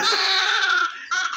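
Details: Newborn female baby delivered by LSCS, covered in blood clots and being cleaned with baby oil: loud, sustained high-pitched cry with a brief catch of breath before it resumes; a strong, vigorous newborn cry.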